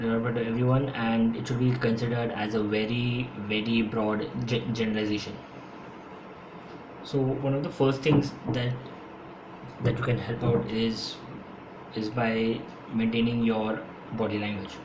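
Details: Adult man who has stammered since school and says he stammers more when speaking faster; his own speech, with repetitions: stuttering.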